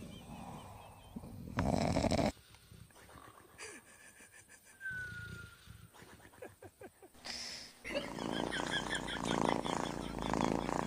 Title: SNORING DOGS 😂 Dog Tales Part 5🐶😂#funnydogs #dog #puppies #dogshorts